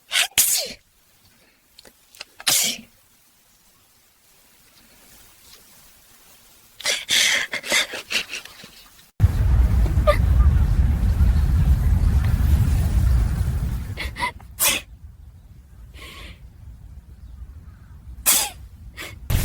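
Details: AI-generated (Sora2), not a real recording: several sudden, explosive bursts with quiet gaps between them and a stretch of loud rumbling noise; sneezes.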